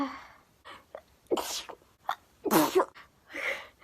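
Several sneezes in a row, a couple forceful with small catching breaths between, then a voiced exhale; a sneezing fit.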